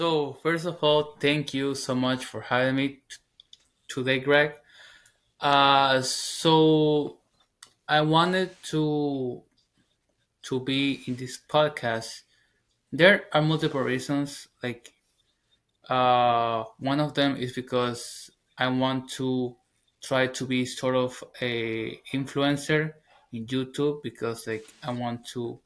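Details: 21-year-old Hispanic man, English as second language, former covert stutterer now stuttering openly; reports stuttering worsens with anxiety and stress. Finding: stuttering.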